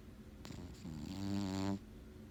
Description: Junior our cat snoring loud.